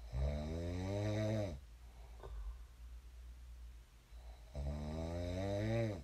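Two deep, buzzing, tonal snores on the in-breath, about three seconds apart, with quiet exhales between; steady snoring in sleep.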